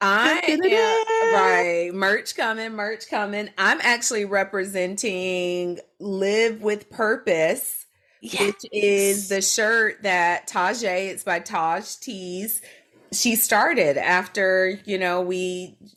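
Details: Adult woman speaking; ordinary speech.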